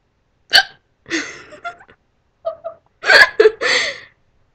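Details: Hiccups: several sharp, abrupt voiced catches in quick, uneven succession, with small gasps between them.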